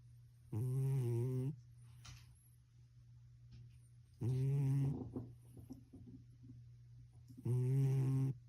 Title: Cat snoring really loud -LOL